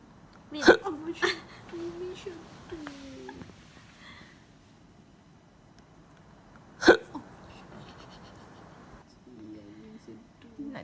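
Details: Overweight cat with hiccups, owner suspects wind in the stomach: two sharp hiccup clicks about six seconds apart, soft voices in background.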